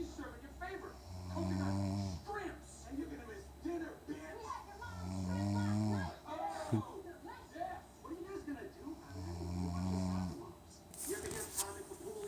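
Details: Snoring during sleep: three loud, buzzing snores about four seconds apart, roughly 15 breaths a minute, with television sound in the background.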